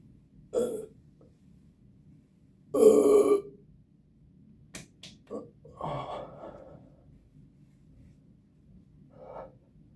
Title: Finishing a Starry, then letting out some big burps